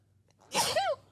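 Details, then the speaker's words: A single loud, explosive sneeze from a male podcast host (describes himself as 250), with a brief sharp intake, harsh noisy burst and falling voiced tail, in a quiet room; sneeze. "I hate sneezing cuz I sound like a just a a Bernsteeen bear, bro."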